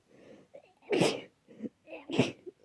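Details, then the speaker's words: Adult with a cold, runny itchy nose and sneezing all day: two sneezes, each preceded by a short catching breath. "My nose is running so much right now. It's so itchy. Oh. Oh. I've been sneezing all day, and I"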